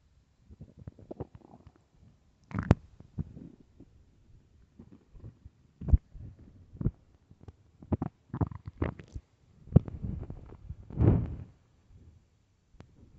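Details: Extremely loud, irregular low gurgles and rumbles from an empty stomach; ordinary bowel sounds, stomach growling (borborygmi).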